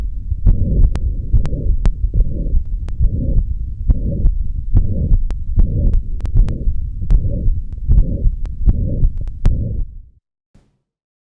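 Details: Mitral stenosis heard at the apex with the stethoscope bell, patient turned to the left lateral position: heart sounds about 71/min with a low-pitched rumbling mid-diastolic murmur; presystolic accentuation is described if listened long enough.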